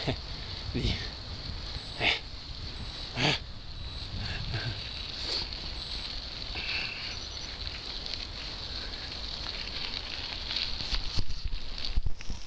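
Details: A small dog, Tobia, gives a few short, sharp sneezes over a quiet background hum.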